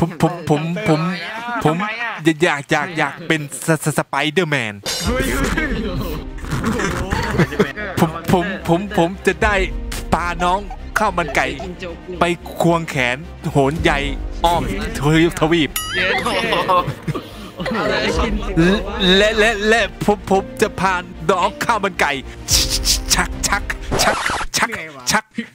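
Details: Male player deliberately faking a stutter as a prank, with repeated words and syllables; finding: stuttering (imitated).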